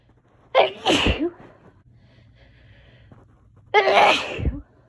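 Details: Allergy sneezes: two forceful sneezes about three seconds apart, each a voiced catch then an explosive rush of air, in a quiet room.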